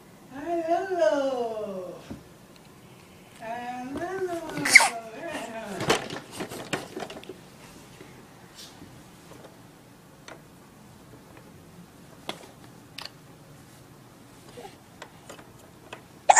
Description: Baby Hiccups 4 Months Old - Playing Evenflo Exersaucer Jump Learn-frog